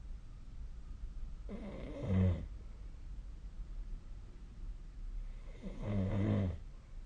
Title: 🐽 本日のイビキ / Snoring Sleep Sound 2025/01/30